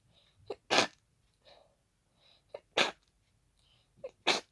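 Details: Hay fever sneezing fit triggered by pollen: three forceful, congested sneezes in quick succession into tissues, each preceded by a sharp catching inhale and sniffing.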